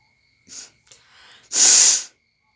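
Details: Sneeze: short sharp inhalations followed by one forceful, hissing sneeze lasting about half a second.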